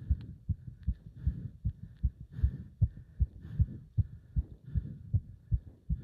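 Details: Heart sounds during leg-wrench exercise, pounding felt up to the subclavian artery: fast, strong, regular heartbeat around 150 beats a minute, a normal racing heart during exertion.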